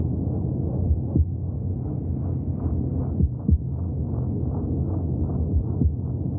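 Muffled, whooshing rhythmic pulsing under a steady low hum, like a heartbeat heard from inside the womb.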